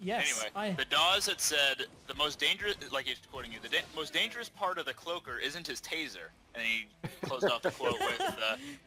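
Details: Adult male speaker; no speech disorder.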